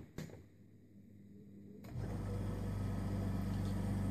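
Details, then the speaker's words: A sharp click as an Invacare Perfecto oxygen concentrator (about 26,500 hours of use) is switched on, then a steady low compressor hum with faint rapid pulsing as flow is adjusted and sieve beds switch. "if you got some flow here and I can adjust that they have the sound when it will changes the sieve bits"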